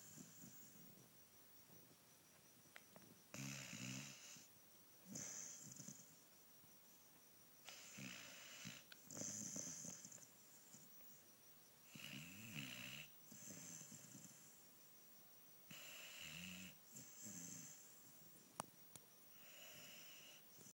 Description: My dog ruby snoring again